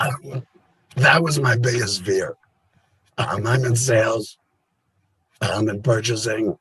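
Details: Adult laryngectomee after total laryngectomy, a cancer-related operation; the voice method is not stated; alaryngeal speech.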